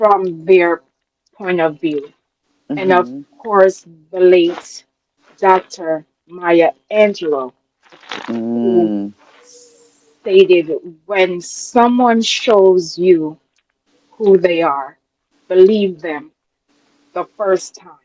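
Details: Adult woman with a self-described speech impediment, which she calls her disability; real, not acted: speech impediment.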